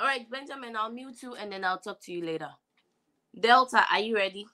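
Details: Adult female speaker; Normal speech.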